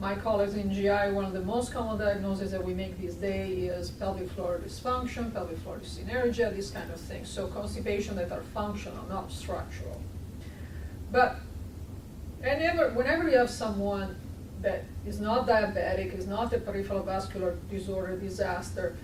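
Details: Adult speaker; normal speech.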